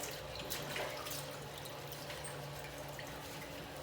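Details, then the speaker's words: Running water splashing and dripping as a gastroscope is rinsed inside and out during manual cleaning, after the leak test, channel brushing and detergent flushing: endoscope rinsing. "Then we flush the detergent within the scope. Then we rinse it. We rinse the scope from outside and inside."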